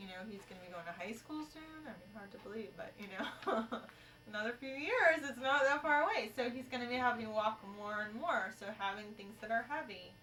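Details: Adult woman speaking; no disorder.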